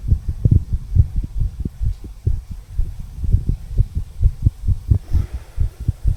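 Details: Heartbeat of a 34-year-old male recorded at the tricuspid valve area, heartbeat visible: steady paired lub-dub at roughly 65–70 beats a minute with faint hum; normal heart sounds.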